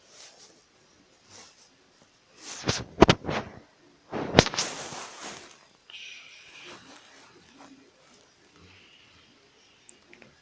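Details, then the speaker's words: Pet dog sleeping: two loud, rough, rattling breath sounds, then fainter noisy breathing with light room noise. Dog snoring. "Ребят, я надеюсь, что слышно этот храп. Сара храпит, да, ребят."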